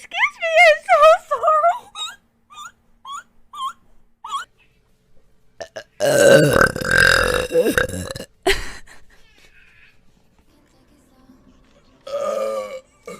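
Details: Girl streamer burping: short voiced sounds, then a long, loud, rumbling burp, a brief one and a later short burp, followed by saying excuse me.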